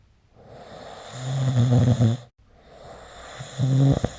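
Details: Snoring recorded with the SnoreLab app: two loud, rattling snores building on the breath in, one ending in a snort.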